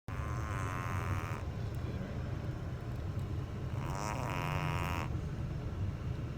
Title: snoring